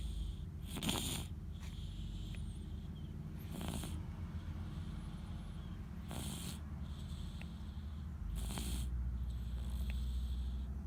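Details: Relaxed sleep: soft, breathy snoring in slow cycles, about four breaths in eleven seconds, over a steady low hum; snoring.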